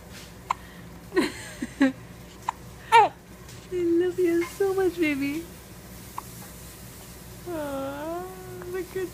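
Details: Half-Persian, half-Chinese baby hiccuping with short, jerky hiccups mixed with soft cooing and whimpers while gripping a finger (palmar grasp reflex); hiccups.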